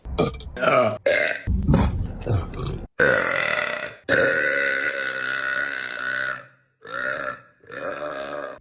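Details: Women belching deliberately in a compilation: a run of short choppy belches, then long, sustained, loud burps with a rumbling, voiced tone; burping.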